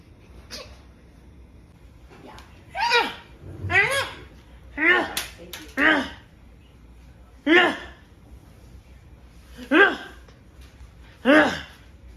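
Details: Different types of sneezing: a run of about eight sharp, explosive sneezes of varying style, each with a quick intake before it, in a quiet room.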